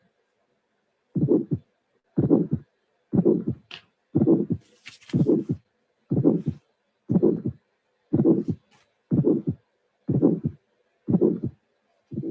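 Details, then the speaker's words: Mild, non-calcified aortic stenosis at about 61 beats a minute: first sound, ejection click, and a systolic ejection murmur peaking very early in systole, with the second sound still audible. "Here we have first sound and click, first sound and click, ejection murmur. You can appreciate that the maximum of the ejection murmur is very early in systole, so it means that the stenosis is not severe."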